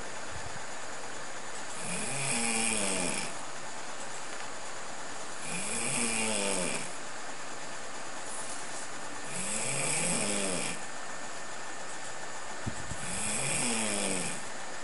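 Slow rhythmic snoring, about four snores in fifteen seconds, a rumbling breath in followed by a hissing breath out, over steady background hiss.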